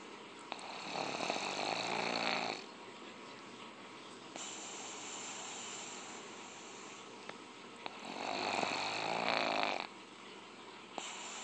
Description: Theres nothing like laying around on the couch with your snoring pug all day...especially when it's BIG WORM! The snoring sound makes you feel all warm and fuzzy inside.